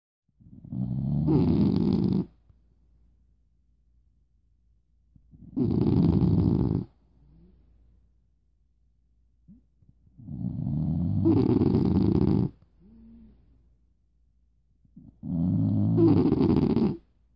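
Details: Two sleeping dogs snoring: loud, rattling snores roughly every four seconds, answered by softer snores from the second dog.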